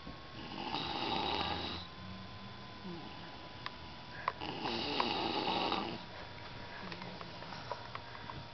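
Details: Two long, harsh, rasping snores on successive breaths, with quiet exhalations and faint room noise between them, recorded at night in the dark; snoring.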